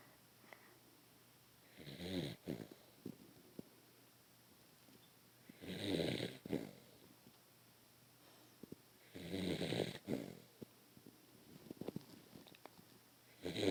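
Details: Beagle sleeping after a long chase after birds, snoring loudly: three loud rattling snores roughly every four seconds, about 15 a minute, with quiet pauses between.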